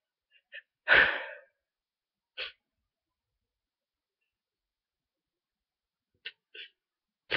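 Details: One forceful sneeze with brief sniffs and breaths around it in a quiet room, from a person in bed with a head cold, very stuffy nose, after days of fever and sore throat; sneeze.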